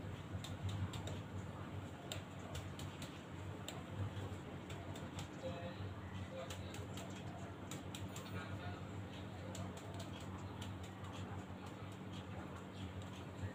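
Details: Percussion of the lung-liver border in an adult male during a student's basic respiratory examination, tapping downward from the 2nd intercostal space along the midclavicular line; the border is at a normal rib level.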